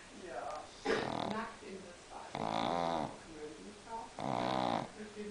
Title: Der schnarchende Mops